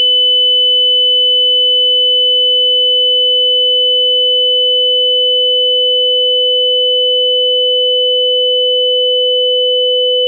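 A steady, unbroken high-pitched tone with a fainter lower hum underneath, holding unchanged throughout; a simulation of tinnitus ringing.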